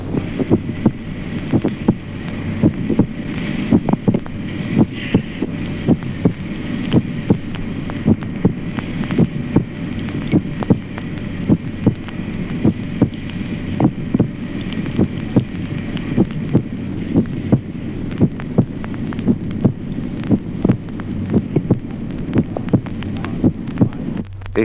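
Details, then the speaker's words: Teaching recording of normal adult heart auscultation: steady paired beats with a dull first heart sound and a clear second heart sound. "ejemplo primero signos auscultatorios normales en el adulto primer ruido sordo segundo ruido claro"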